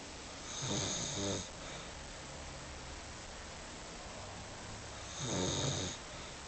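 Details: Person caught snoring while asleep holding someone in their arms: two slow, rough, fluttering snores on the in-breath about six seconds apart over steady room hiss; ordinary snoring.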